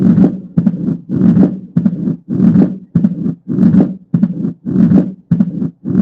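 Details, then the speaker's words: Low rumbling heart sounds with a presystolic crescendo, a loud first sound, a pause, then a split second sound and a low-intensity murmur: mitral stenosis murmur. "y como se pueden fijar se escucha el desdoblamiento después un soplo de baja intensidad y después el reforzamiento presistólico"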